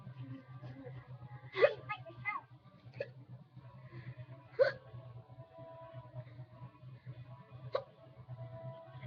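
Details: A person with a severe bout of hiccups, feeling as if he might burp with each one: three abrupt, sharp gulping catches about every three seconds, roughly 20 a minute, over quiet room noise; hiccups.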